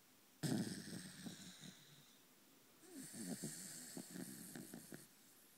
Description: Mr. Kirby, our 3 1/2-year-old Corgi, deep asleep...and snoring like a buzz saw!